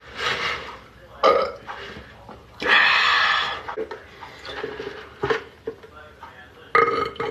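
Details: Adult belching in a bathroom during a live stream: several loud, drawn-out burps in a small echoing room; ordinary belching.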